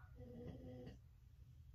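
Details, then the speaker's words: Sleeping American Bulldog–pit mix male dog, crippled rescue, snoring in background: single faint, low rumbling droning snore over steady room noise. "if you hear the noise around that's my boy chief he's snoring he's an American Bulldog pit mix and he is our big baby"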